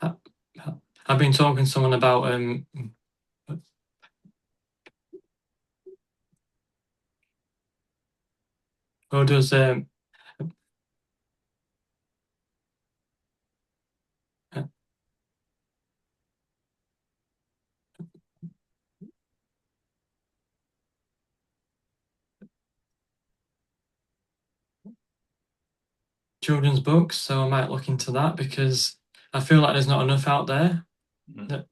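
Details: Male stuttering advocate who stutters, speaking in an interview with frequent blocks and long pauses: stuttering.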